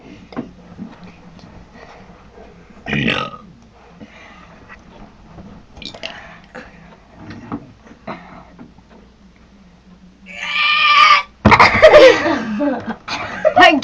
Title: Crazy burping contest fail